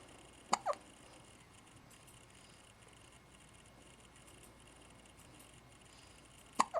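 Three brief, sharp hiccup sounds in a quiet room, two close together near the start and one at the end.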